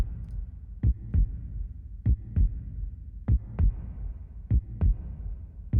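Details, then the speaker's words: Simulated heartbeat made with the Serum software synthesizer in Logic Pro X, looping two notes of different velocity to mimic systole and diastole: regular paired low lub-dub thumps at about 50 beats a minute. "then we just create a loop drag it and that's that's basically it let's let's listen to it"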